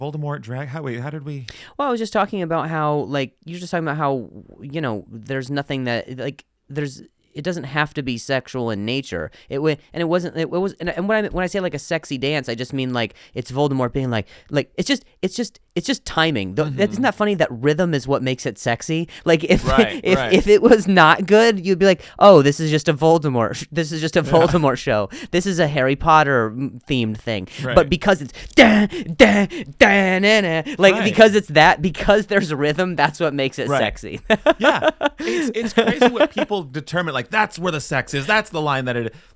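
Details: Comedian who stutters, in real conversational speech on a podcast; stuttering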